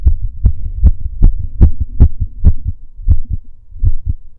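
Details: A male's own heartbeat recorded during a breath hold: steady, regular, low thumps at about 77 beats a minute with clear paired heart sounds; a normal heartbeat.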